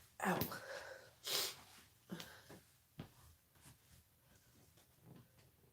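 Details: Several short harsh cough bursts, two strong and then weaker ones, in a small room, from a sick person who reports aching all over and a croaky, hoarse voice; cough during a respiratory illness.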